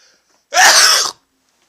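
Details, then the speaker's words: Adult male's sneeze induced by sniffing chhinkni sneezing powder: a single loud, forceful sneeze, a sharp explosive half-second burst of air in a quiet room. "oh that was a big sneeze I usually don't sneeze that loud my nose is still itching"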